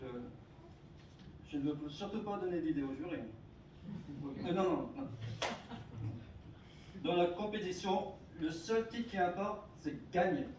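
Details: Adult male speaker; stuttering.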